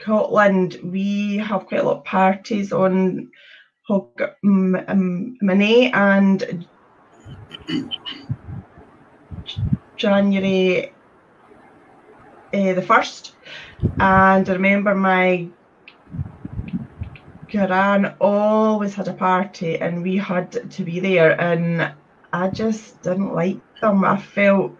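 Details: Adult woman with stuttering (stammering) since age three, reporting blocks when speaking; stuttering.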